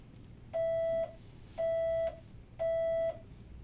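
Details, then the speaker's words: Electronic test beeps during threshold (T-level) testing on various electrodes at cochlear implant activation for an 8-year-old girl, finding her softest detections to set soft levels; hearing loss diagnosed at 15 months, previously bilateral hearing aids. "tell me can you tell me exactly what you're doing and really what we're doing is measuring what are called t levels and the tea levels um help set the soft levels for the implant and so what we're doing now is just looking at what are her softest detections of this information on various electrodes"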